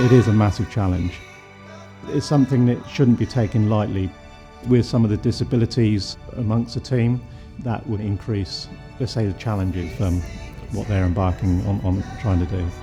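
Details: Adult male speaker; typical speech.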